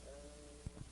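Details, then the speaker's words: Egophony over pneumonic consolidated lung: the patient's spoken vowel heard through the stethoscope as a faint, nasal, bleating 'goat voice' sound. "ahora vamos a escuchar cómo se encuentra en el pulmón con neumonía y vas a escuchar como esa y se transforma en una y escucha a continuación"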